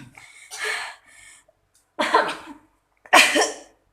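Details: Woman in second-stage labour with her second baby, short umbilical cord, lying supine, baby at pelvic floor: three strong separate cough bursts about a second apart, used in place of pushing; cough during labour.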